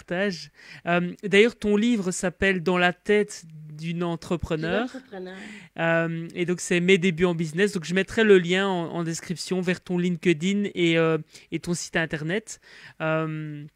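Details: Adult speaker; ordinary speech.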